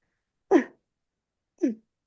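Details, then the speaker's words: Adult's imitation of expiratory grunting in a child with respiratory distress: two short, forced, voiced grunts on breathing out against a partially closed glottis, generating end-expiratory pressure to keep small airways open, e.g. asthma. "grunting on the other hand is um an expiratory noise against a partially closed glotus and this basically means that the child is trying to generate their own end expiratory pressure to keep the small Airways in their lungs open"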